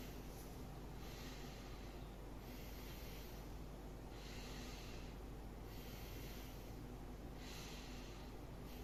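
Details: Normal vesicular breath sounds on posterior chest auscultation, top to bottom, comparing sides during a lung physical examination: soft regular rushing sounds rising and falling with each deep breath over a low hum, no crackles or wheeze; findings within normal limits.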